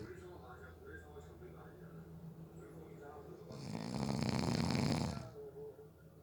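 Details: Snoring during a nap, from someone said to have fallen asleep within 30 seconds: quiet breathing, then a loud, rough, rattling snore on one breath.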